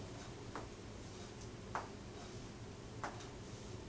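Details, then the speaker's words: Nursing student's abdominal percussion in a head-to-toe assessment with no tenderness or masses: three short, hollow taps give a tympanic note throughout, the expected normal finding. "Now I'm going to go through and percuss, and I should hear a timpani sound throughout,"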